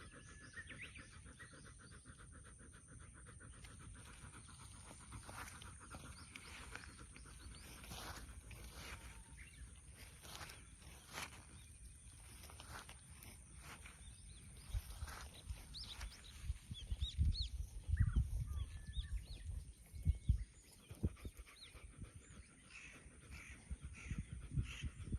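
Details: An 11-year-old female dog pants heavily outdoors after swimming and walking in hot sun, with wind, waves and birdsong behind.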